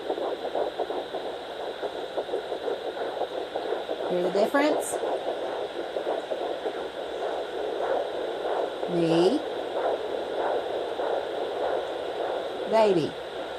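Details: Doppler comparing fetal and maternal heartbeats: fast, galloping whoosh-thump pulses broken by brief squeaky sweeps as the probe shifts between the mother's and the baby's heartbeat; fetal heartbeat on doppler.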